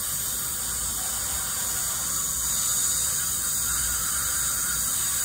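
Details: Dental cleaning of an adult woman in a dental chair; continuous high-pitched hiss and whine of a dental scaler with water spray during routine teeth cleaning.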